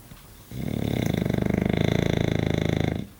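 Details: English bulldog snoring while asleep: a loud, rough, rattling snore with rapid fluttering vibration through one long breath and a pig-like snorting quality; snoring.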